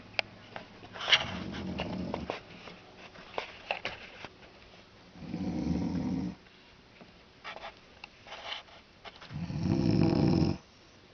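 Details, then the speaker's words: Snoring at night, bulldog possibly snoring beneath: low, rumbling snores every four to five seconds over faint background noise and clicks; snoring. "Bulldog would be right underneath doing the same thing if they time it just perfectly it can be one continuous snore"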